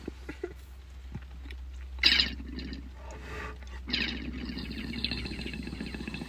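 An adult gives two harsh, forceful cough bursts, then a prolonged rough, raspy hacking sound over faint room noise; an acted cough.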